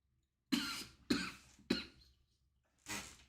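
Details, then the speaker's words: Four loose, harsh, productive-sounding coughs in a short run, the last after a brief pause, from an adult sick for about five days to a week, with voice lost; cough during a respiratory illness. "Hi guys. Hi guys. I don't even know what I have been sick for like the past week. Not weak, but like five days have not been doing well."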